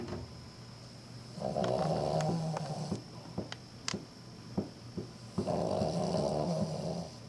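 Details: Sleeping female Cavalier King Charles Spaniel, wagging her tail unconsciously, gives two long, rough snoring breaths with brief snorts and clicks between; snoring.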